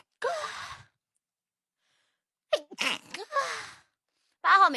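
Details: Young Chinese woman with allergy, wet sneezes; two wet, explosive sneezes with a gasping in-breath between them and a voiced sound at the end.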